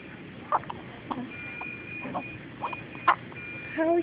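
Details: Hiccups.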